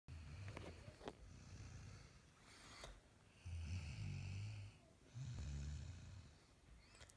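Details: Woman snoring again: low, rough rumbling sounds on inhalation with quieter pauses between them.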